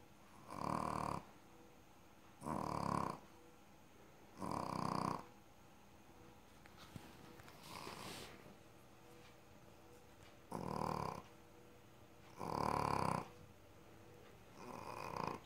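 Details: Rescue animal, a male, snoring very loudly in sleep: regular rasping snores with each breath, about every two seconds, with a short pause midway.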